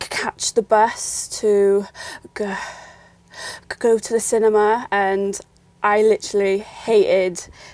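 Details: Young woman who has stammered since growing up; she links her stammer to fear and low confidence; stuttering (stammering).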